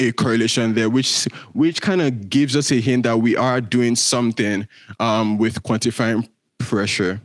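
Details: Male speaker with a self-reported stutter that shows as repetitions, prolongations or blockages. Stuttering.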